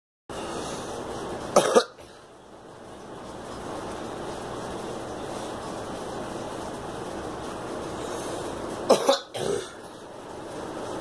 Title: Girl coughing